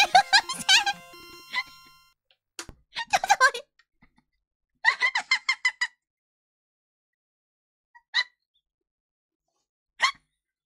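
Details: Cough: after a brief music intro, light voiced bursts, giggle-like pulses and a few short, isolated high-pitched soft coughs from a VTuber.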